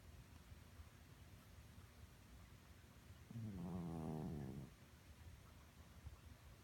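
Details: Senior cat, lifelong occasional loud snorer, never congested, vet thinks she is fine: single low buzzing snore breath over a steady background hum.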